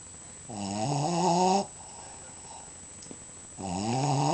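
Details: Sleeping dog snoring: two loud, rumbling snores with a buzzing, fluttering tone, separated by a quiet pause.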